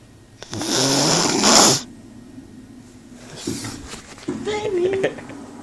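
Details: Girlfriend (jokingly called a panther) passed out snoring: loud rasping breaths with a grating, whistling edge in bursts between quieter pauses.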